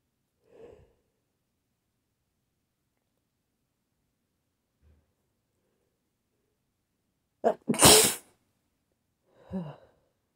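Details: Teasing-induced sneeze: a quiet breathy buildup and faint sniff, a soft gasp, then one sharp, forceful sneeze and a softer after-sound.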